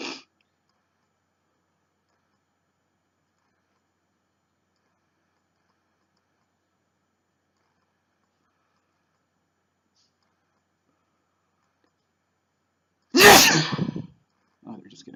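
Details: Man sneezing, labeled first time: long silence, then one loud explosive sneeze with a brief trailing sound; a snuff-induced sneeze.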